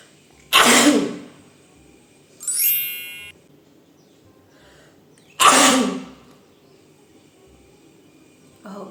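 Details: Two loud explosive sneezes several seconds apart, with a brief high ringing between them, from a young woman inducing sneezes with chili flakes during a sneezing challenge targeting 20 sneezes.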